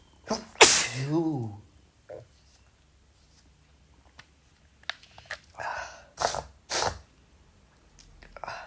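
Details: Male sneezing: one loud sneeze followed by sniffs and several short, sharp sneezes or exhaled bursts; repeated sneezing.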